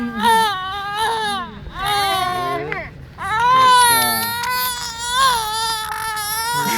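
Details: Infant crying: loud, sustained wailing in long bursts with brief catches of breath between them.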